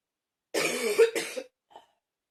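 Two harsh, throaty cough bursts close together, then a faint small sound; a dry-sounding cough.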